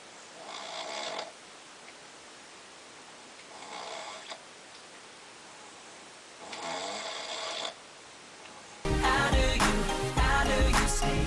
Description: I was at my cabin, and we brought my dads friends along, well i was woken up by a snoring elephant!